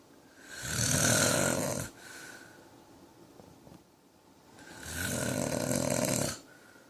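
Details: Adult man snoring: two long, loud, rattling snores on breathing in, with quiet breathing out between.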